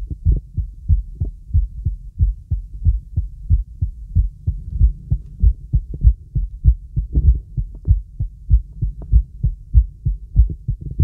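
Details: Normal heart sounds heard with the stethoscope diaphragm on a girl during relaxing full-body auscultation with a real stethoscope: steady, regular low heart thumps with no added noises.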